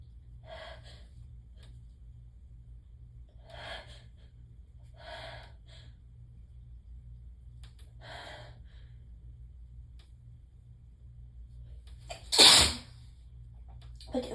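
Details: Several short, breathy catching inhalations over about twelve seconds, ending in one loud, forceful sneeze, in a sneezing fit with whining.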